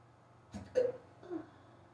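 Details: Hiccups in someone who rarely gets them, starting suddenly on waking and lasting almost 20 minutes, very fast: two short voiced hiccups then a softer one within two seconds, quiet room.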